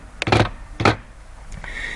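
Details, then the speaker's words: Gallop rhythm, an additional third heart sound in left-sided heart failure: brief heart sounds in clustered thumps. "An additional heart sound a third heart sound might be heed when we oscultate the heart. A gallop sounds like"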